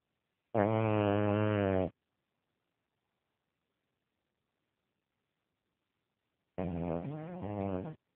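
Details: Two drawn-out, rumbling, fluttering snores about five seconds apart with silence between, from a sleeping pet named in the title as snoring as he usually does when asleep; snoring.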